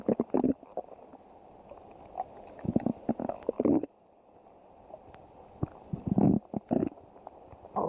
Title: stomach growling 13